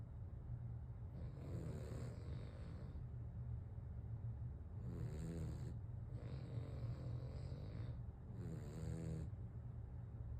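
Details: Two sleeping dogs snoring back and forth: low rumbling snores, some on the in-breath and some on the out-breath, over a steady low hum; ordinary snoring.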